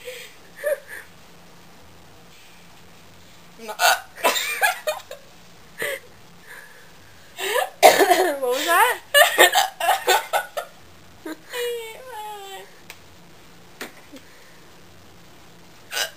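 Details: Woman hiccuping, sharp abrupt gulping catches breaking up talk and laughter in a quiet room; hiccups.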